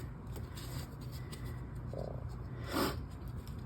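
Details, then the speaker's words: Adult's stomach growling from hunger: low rumbling and brief gurgles, ordinary hunger-related bowel sounds. "Apologies if you can hear my my stomach growling. Oh, I just noticed that I need to eat, apparently."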